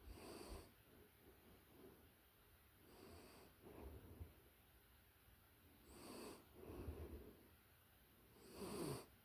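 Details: Close-up recording of a puppy in deep sleep: soft, faint, rhythmic snuffling snores with slight hiss, gentle dog snoring.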